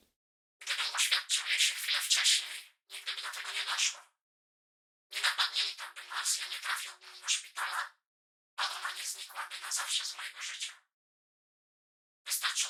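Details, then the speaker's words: Simulation of speech from an audiobook as heard through a MED-EL Sonnet 2 cochlear implant, three months after surgery, by a person with single-sided deafness, recreated on the hearing ear; sounds hissy, thin and distorted with no deep voice tones. "Here's a fragment of the audiobook that I'll play. And by implant it sounds something like"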